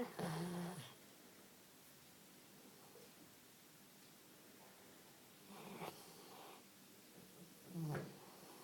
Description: Got up in the morning and found Cupid next to me ... Snoring :p